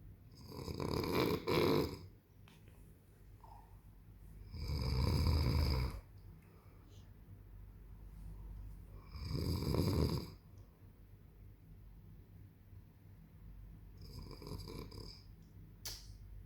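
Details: Father snoring heavily during sleep: deep, rattling snores about every five seconds, roughly twelve breaths a minute, with quiet gaps between; loud snoring.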